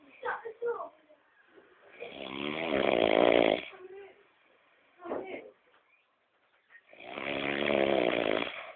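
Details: Brother (sibling) snoring: loud, harsh, rattling breaths about every five seconds with quieter breaths between; heavy snoring.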